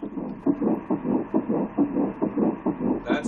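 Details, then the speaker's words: Doppler ultrasound of an early surrogate pregnancy after embryo transfer: rapid, regular whooshing pulses about 136 a minute, the embryo's fetal heartbeat, heard clearly; embryo looks perfect. "ahora vamos a intentar escuchar los latidos con el doctor estamos re transmitiendo desde montreal si os fijáis bien veréis un latido"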